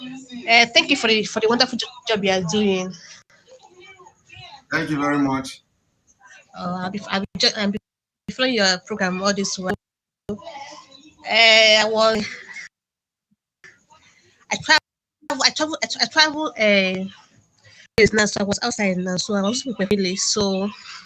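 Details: Adult male caller who says he stammers; stuttering.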